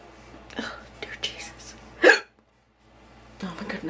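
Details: Adult with prolonged hiccups that are now painful: quiet speech broken by a sudden loud hiccup, then a brief pause before speech resumes.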